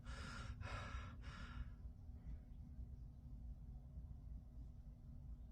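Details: Three quick, sharp, breathy intakes of breath over a low room hum, then quiet: gasping breaths before a sneeze, as a person tries to sneeze with eyes open.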